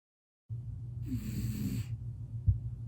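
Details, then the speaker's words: A cat snoring, played back from a recorded video of the cat. "It's cuz it's it's a video of my cat snoring and I think it's pretty funny, but my computer is being rude."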